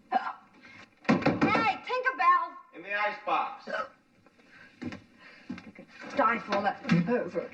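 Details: Simulated hiccups in an acted film scene (The Owl and the Pussycat): a woman's speech broken by short, abrupt catches in a quiet room after laughing hard.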